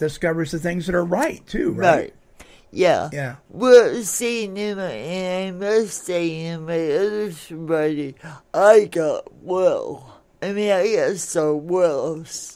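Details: Adult woman born in 1959 with lifelong cerebral palsy affecting her speech and motor skills, which she attributes to oxygen being cut off to her brain during delivery; some listeners have difficulty understanding her; dysarthria.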